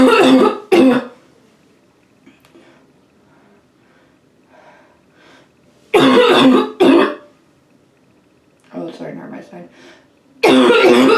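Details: Quick coughing fit in a bathroom: repeated loud harsh cough bursts in clusters with quieter breathy gasps between, eyes watering from gasping for air, some spitting; small echoing room.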